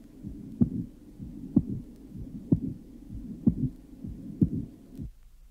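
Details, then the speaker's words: 34-year-old woman with rare congenital absence of the pulmonary valve cusps, recorded at the pulmonary area. Low-pitched, rather late diastolic murmur of severe isolated pulmonary incompetence, mimicking a mid-diastolic murmur. Only A2 is heard, with P2 absent. Soft, short systolic murmur. "this low pitched murmur of severe isolated organic pulmonary incompetence characteristically occurs rather late and may simulate a mid-diastolic murmur arising at an atrio ventricular valve only A2 can be heard as P2 is of course absent in this case"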